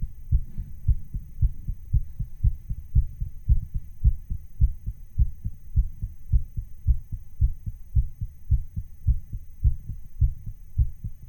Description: Hello, this is a recording of my heart sound that I speeded up a little.